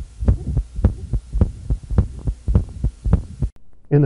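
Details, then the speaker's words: Adult man with hypertrophic obstructive cardiomyopathy straining during Valsalva: rapid heartbeat about 105 a minute, obstructive murmur louder and rougher between beats, changing in character several beats in as mitral regurgitation develops. "as he takes a breath in and strains against a closed gadis the valsalva maneuver will hear an increase in the loudness of the obstructive murmur and several beats into the strain phase you'll begin to hear a change in the character of the murmur as he begins to develop mitral regurgitation"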